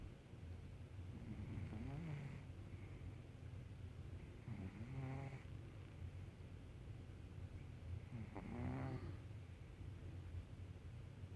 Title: Scooter snoring